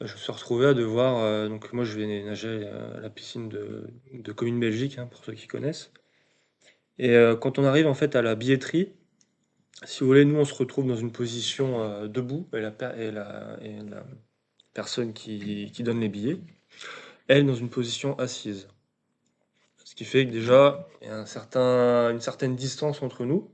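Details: 27-year-old man who has stuttered since age 10 and reports big blocks in stressful situations; stuttering.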